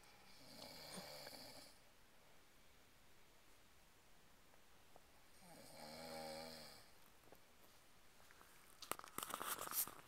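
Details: Snoring from three people sleeping and snoring at the same time.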